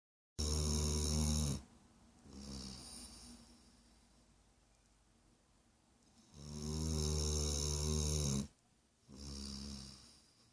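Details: Sleeping dog snoring: loud, rumbling in-breaths alternating with softer out-breaths, about 12 breaths a minute.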